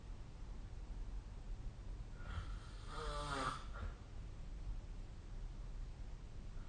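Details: A single rattling, fluttering snore on an inward breath rising from a low room hum during sleep; typical snoring.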